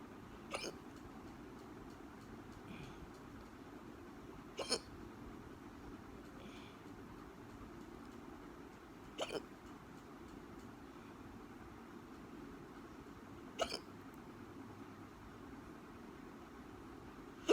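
Four brief, abrupt hiccup sounds at a steady spacing of about 4 to 5 seconds, roughly 14 a minute, over a quiet room: ongoing hiccups.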